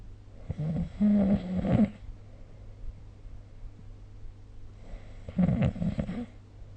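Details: Snoring during sleep, recorded with the SnoreLab smartphone app.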